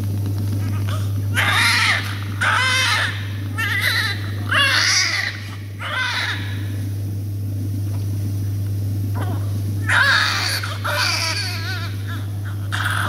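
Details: Repeated bursts of infant crying over a steady machine hum during suctioning of a little baby.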